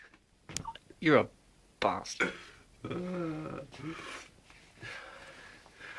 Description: me putting rolled up bits of toilet paper up my nose 2 make me sneeze hahaha